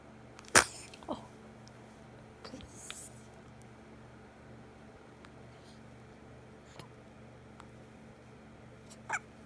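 A cat gives a few short, sharp sneezes against quiet room hum.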